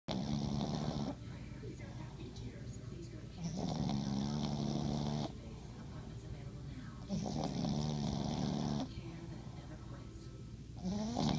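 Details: Loud, rough snores alternating with quieter breaths, about three cycles in eleven seconds; snoring.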